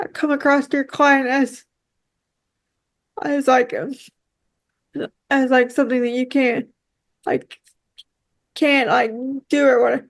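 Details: Dysarthria in a woman with quadriplegic cerebral palsy affecting her whole body, with frequent word and phrase repetitions.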